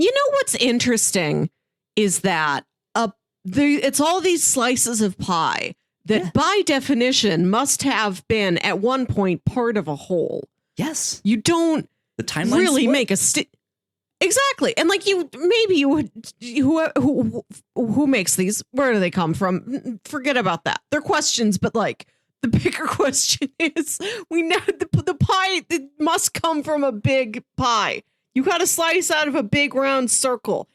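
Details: Adult speakers in casual conversation; normal conversational speech.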